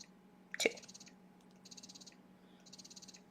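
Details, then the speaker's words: Motif Luna breast pump in massage mode: repeated bursts of rapid mechanical pulsing separated by pauses, slower, longer, stronger suction mimicking a baby during letdown; breast pump running. "now this massage mode is mimicking a baby suction pattern when Mom is having a letdown where there's large volumes of milk coming so they're slower stronger sections"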